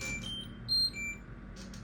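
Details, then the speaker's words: Terumo TE-LF600 infusion pump with drip sensor, during a bolus demonstration: high electronic alarm tones for abnormal flow, with unstable drops in the infusion line. "Kita bisa pencet. Tetesan enggak stabil, pastikan alat pada saat infus, ya."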